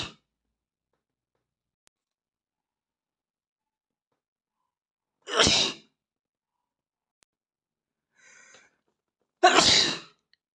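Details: Two forceful sneezes a few seconds apart from a young boy after his nose meets a flower, with a faint sound between them in an otherwise quiet room; sneezing.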